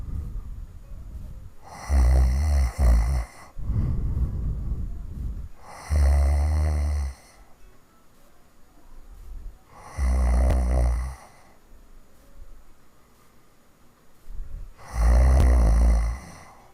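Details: Heavy snoring recorded in 2015: loud, deep rattling snores about every four seconds, roughly 15 a minute, with quieter breathing between them.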